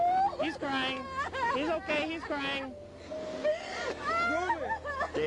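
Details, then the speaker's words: Real police dashcam recording: infant who had stopped breathing from an airway obstruction, after an officer's forceful back thrusts, starts crying: thin, wavering cry with whimpers, showing the blockage has cleared. "David 10, baby's crying. This sound ushers in a wave of relief and renewed optimism for everyone in the room."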